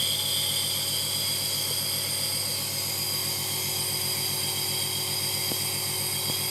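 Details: Compressor nebulizer running while the patient breathes calmly through the nose from the mouthpiece, in a demonstration of nebulizing children (Asthalin nebulization): steady mechanical hum and buzz as medicine is turned into inhaled mist.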